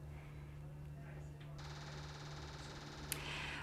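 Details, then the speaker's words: Repetitive transcranial magnetic stimulation with an H coil, given as two-second pulse trains with 20-second pauses: low room hum, then a fast, steady, woodpecker-like train of tapping clicks. "the Machine does make some noise patients have mentioned to me that it sounds like a woodpecker is sort of like a tapping noise"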